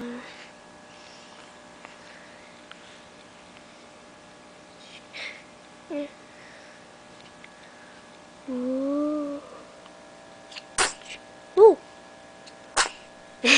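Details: An infant boy sneezes: a short meow, then three sharp, explosive bursts close together in a quiet room; sneezing.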